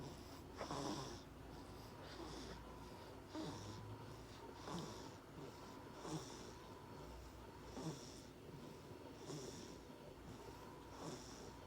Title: Snoring baby